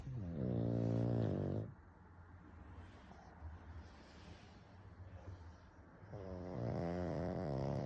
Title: LISTEN to PUGS LOUD snoring #pugsofyoutube